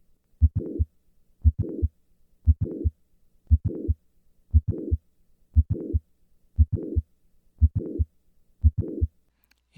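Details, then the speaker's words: Mitral valve prolapse at about 58 per minute during a squat maneuver: a mid-systolic click followed by a late systolic murmur, with the click-murmur moving later on squatting and earlier on standing. "listen once again to the change in the click murmur with the squat maneuver squatting foreign"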